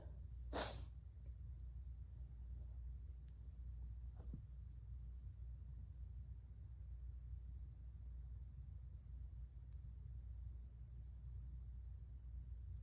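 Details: Sneezing in a person with bronchitis: one sharp sneeze, then a faint second noise, over steady low room hum.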